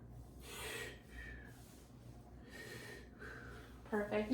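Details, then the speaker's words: Male patient in a student nurse practitioner's head-to-toe exam, asked to take deep breaths during lung auscultation at the apex above the clavicle: two slow, deep, audible breath cycles with soft airflow noise and faint room hum. "we're listening to bronchial and vascular breast sounds take deep breaths"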